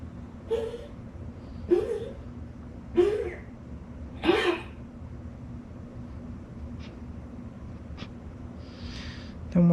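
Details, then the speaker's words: Dog's cough heard in the background while painting: four short, harsh, honking bursts about a second apart, then quiet room noise with faint clicks. "about that noise that's just my dog coughing"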